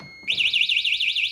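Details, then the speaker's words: Prius Ai1 hospital bed exit alarm set to its highest of three volume levels: loud, shrill warbling electronic tone rising and falling in pitch. "there's your high alarm. It's screaming. To turn off the bed exit alarm, you just hit the reset set button."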